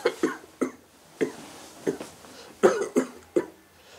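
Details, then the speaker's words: Acted drama scene, simulated: a man who has smoked a pack of cigarettes a day for over 20 years has a severe run of about eight short, rapid coughs with fever, then finds blood-streaked sputum; lung cancer warning signs. "Deja de toser. ¡Uh! ¿Qué es esto? ¡Miel! ¡sangre!"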